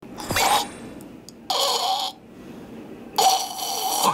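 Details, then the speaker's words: Imitated mixed snoring, between nasal snoring with vibrating nose and throat snoring with choked throat sound, as the tongue falls back and blocks breathing; demonstration of severe snoring with breathing difficulty. "무엇과 목걸이의 중간 하다가 할 때 혀가 넘어가서 완전히 숨을 쉬는데 불편함을 느꼈다는 수영씨는 과연 어떤 단계일까요"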